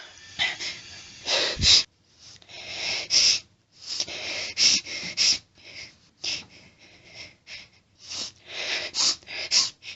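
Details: Female with itchy nose, off allergy medication, attempting to hold back sneezes: repeated sharp sneezes with hissing held-back breaths and hitching build-ups between; sneezing fit, occasional background saw noise.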